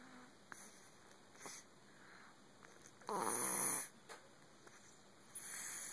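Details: Cat asleep in a lap, snoring: soft snoring breaths with one louder rasping snore among quieter ones, over light room noise; ordinary snoring.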